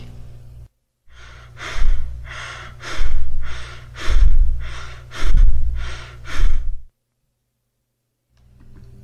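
Quick, shallow breaths in rapid succession at roughly 50 a minute over a low steady hum: tachypnea, abnormally fast breathing.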